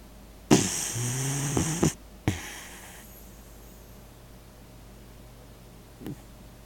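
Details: One loud, rough, snorting breath, a short burst after it, then quiet with a faint later snort; snoring.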